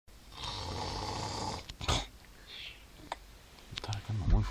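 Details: Snoring while calmly asleep: a single long, rough, rattling breath followed by quiet room noise.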